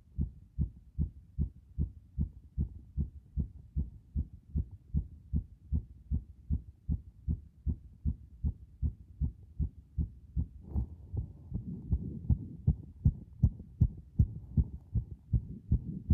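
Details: Heartbeat recorded with the device pressed against the chest after a bath: strong, regular low thumps at about 80 a minute, with some rubbing noise later; ordinary heartbeat.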